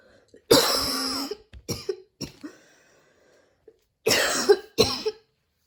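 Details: Several harsh coughs in two bursts with squeaky, whistling breaths between them, after a run at the start of allergy season, with dizziness and near-fainting; wheezy cough.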